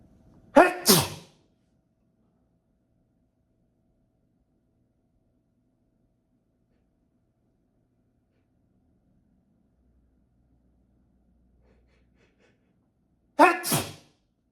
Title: Two more strong sneezes